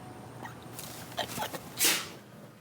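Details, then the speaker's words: Staged scene in a 360 video production, a single sharp hissing burst of air after a brief catch of breath, faint over room noise; a sneeze. "I feel like every time I sneeze I keep transporting somewhere"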